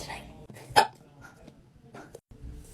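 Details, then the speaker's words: Person with hiccups: a single sharp, abrupt hiccup amid quiet breathing and faint room noise. "This is so stupid. Oh my god. I literally hate the hiccups so much."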